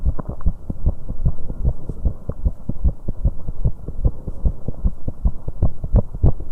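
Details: Fast, pounding heart sounds of a 19-year-old female after exercise on an aerobic exercise bike, around 140–150 a minute, with an uneven rhythm from premature beats (extrasystoles, PVCs).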